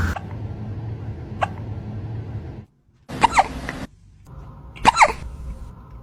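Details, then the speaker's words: Cat with hiccups: a few short, sharp catches with soft squeaky sounds at irregular intervals over room noise, as the owner comforts it. "oh baby you're okay honey come here are you crazy filling my kid look at me you have the hiccups"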